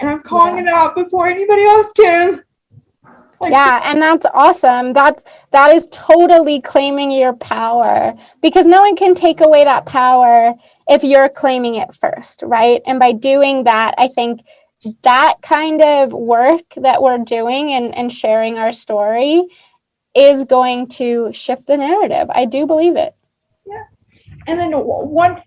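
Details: Adult women in conversation; typical speech.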